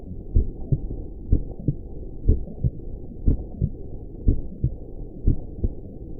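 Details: Heartbeat sound meant for relaxing sleep, especially for newborns: steady, soft paired thumps at about 60 beats a minute under a low hum; a regular, normal heartbeat.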